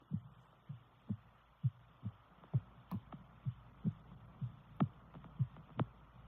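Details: Visible pulse in a female's neck with heartbeat sound: soft, regular low thumps at about 120 a minute, often in pairs, over a faint hiss.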